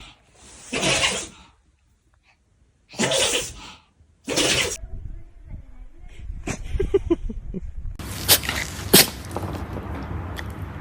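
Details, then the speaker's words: A small dog gives three sharp, hissy sneeze bursts, followed by rustling and room noise. "Oh my goodness. What a big sneeze. A poor little buddy."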